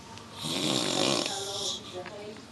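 One loud, harsh, rattling snore with a throaty vibration, then a softer tail: snoring.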